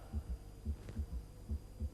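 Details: On stethoscope auscultation during a cardiac physical exam demonstration, low, dull heart thumps have a faint extra beat just after the second sound, giving a galloping rhythm: third heart sound (S3). A voice starts at the end.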